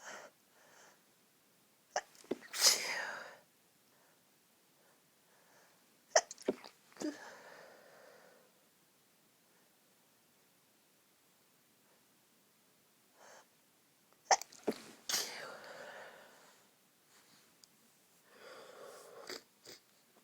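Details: Several muffled, held-back sneezes with breathy catches between, in a quiet room, from a woman trying to sneeze quietly next to a friend; stifled sneezing.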